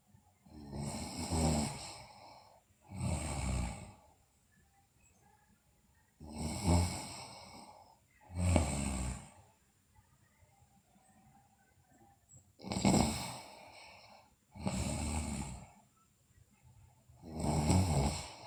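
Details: Sleeping girl: seven rough, rattling snoring breaths in pairs with pauses, about two breaths every six seconds.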